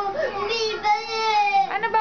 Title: Crying bunso 😢